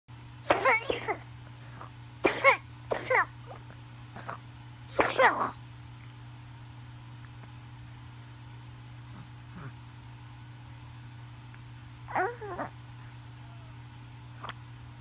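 Several harsh, forceful cough bursts over a steady background hum, the cough of whooping cough (pertussis).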